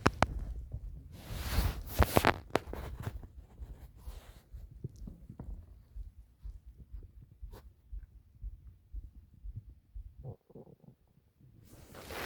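Irregular low gurgles and rumbles with quiet gaps and a few sharper bursts: ordinary stomach growling (bowel sounds).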